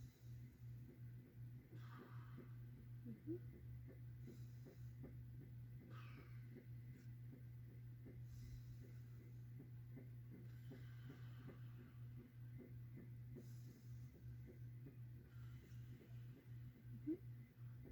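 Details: Normal breath sounds on lung auscultation as the patient inhales through the nose and exhales through the mouth; bronchial sounds and vesicular murmur, including over the lower-lobe bases, described as completely normal.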